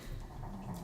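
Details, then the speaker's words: A pet dog snoring in the background of a live stream: a dog's snoring. "I love the sound of my dog snoring."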